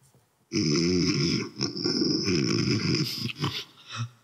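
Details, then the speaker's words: A recording of more pronounced snoring: heavy, rattling snores with short catching, sob-like breaths, said to suggest obstructive sleep apnea, with breathing pauses during sleep. "вот этот говорит о том что человек а скорее всего присутствует на уж не дыхание во время сна так называемого действительно об но и и сопровождается такими всхлипывание как вы только что слышали"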